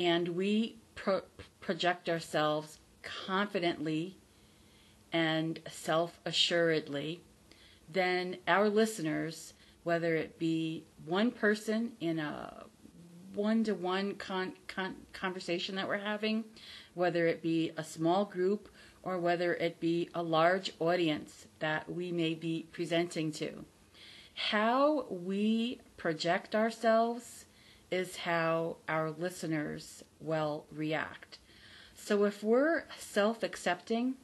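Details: Adult woman who stutters, formerly a covert stutterer, not recovered from stuttering and says her stutter is audible; stuttering.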